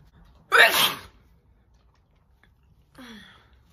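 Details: One loud, forceful, wet sneeze from a woman, deliberately provoked by stimulating her nose, then a brief softer vocal sound a few seconds later.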